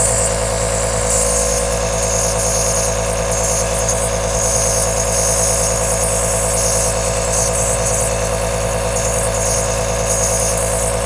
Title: 10 Hours of AEROSOL Nebulizer Sound | White Noise - Black Screen | Calm, Relax or Fall Asleep Fast